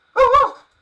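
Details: Vocal tic: loud sudden vocalization by a man with Tourette syndrome.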